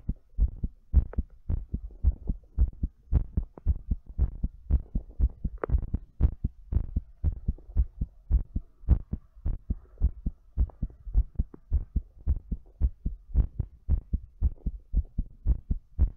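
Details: Strong, thumping heartbeat at about 110 beats per minute, slightly uneven in spacing, during breathplay: a fast heart rate.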